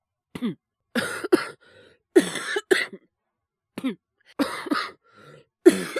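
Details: Coughing in a Japanese boy with influenza while livestreaming: repeated bursts of short, harsh coughs, mostly in pairs, with brief breaths between.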